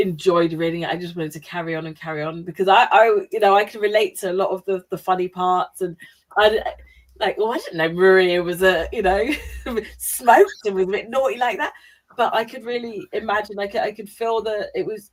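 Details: Adult female speaker; normal conversational speech.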